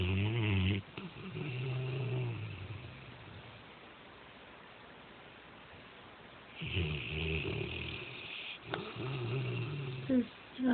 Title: snoring.